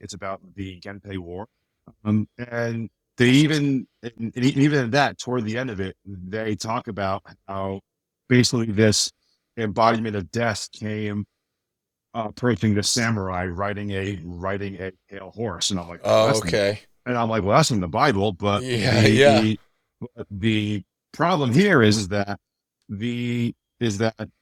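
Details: Adult man with a speech impediment since childhood, much worse then and greatly improved, still slightly audible; mild speech disfluency (repetitions).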